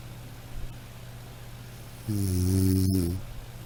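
A single low, buzzing snore after quiet breathing, from a sound effects recording.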